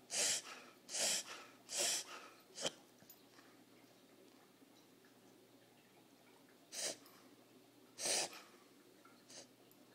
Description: Our dog Reverse Sneezing